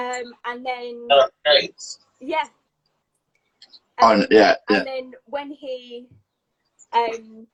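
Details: Adult woman with a stammer since age three, described as a neurological speech impediment, with blocks and repetitions; stammering (stuttering).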